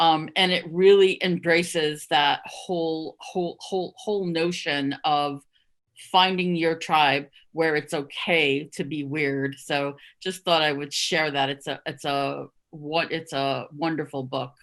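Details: Stuttering in an adult who stuttered covertly for over 30 years, with repetitions of words and syllables; stuttering.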